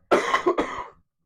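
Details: A single harsh double cough lasting about a second from a sick adult during a live online Q&A.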